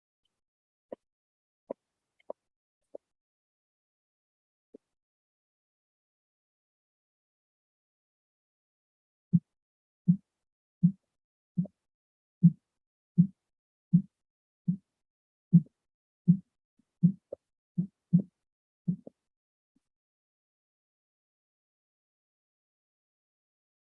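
About fourteen soft, low thumps at roughly 80 per minute, starting and stopping abruptly: Korotkoff sounds during cuff deflation, reading 114 over 76.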